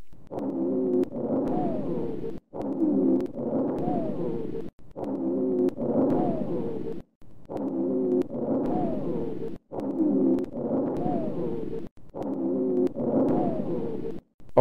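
Low-pitched snoring, musical rumbles run through both breathing in and breathing out, about 27 breaths a minute.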